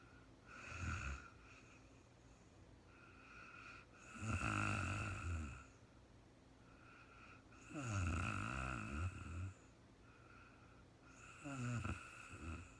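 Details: Real-time recording of an adult woman sleeping after being very tired: slow rhythmic snoring, roughly four breaths in under thirteen seconds, with fluttering snores and softer breaths between; steady sleep snoring.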